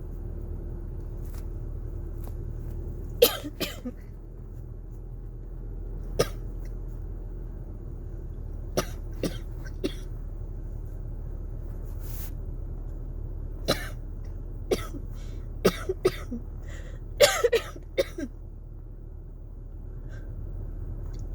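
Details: Person with cough variant asthma, triggered by very cold, dry air and dusty heater vents, has repeated short, dry, unproductive coughs over low room hum; dry coughing fit.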